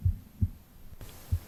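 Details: Normal heart sounds recorded over the left side of the chest while the person reads aloud: two soft, low heartbeat thumps about 0.9 seconds apart, a steady rate near 65 beats a minute.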